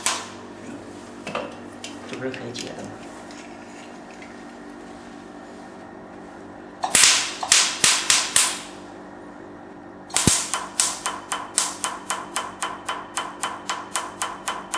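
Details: Rapid, sharp snapping clicks in bursts, about two per second, from a Q-switched Nd:YAG laser firing during a "black doll" skin treatment, with the patient saying it is bearable.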